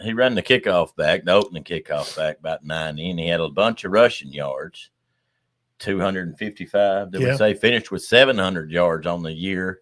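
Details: Adult male speaker; typical voice.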